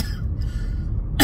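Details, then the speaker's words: Adult woman coughs while talking; she says her heartburn makes her cough: cough. "sorry but also the heartburn makes me cough I'm just a mess no I'm not but I sound like it"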